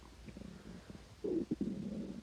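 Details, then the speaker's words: Stomach growling (borborygmi) in a person who says their belly is making noise and mentions having already had dinner: low gurgling rumbles build into a louder rolling growl. "tá fazendo barulho minha barriga caramba"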